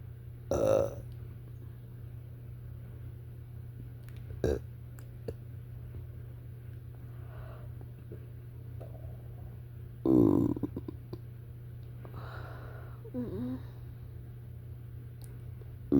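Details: Nauseous burping after eating a giant portion of fettuccine alfredo in about three minutes: two loud, throaty belches several seconds apart with softer burps between, over a low room hum.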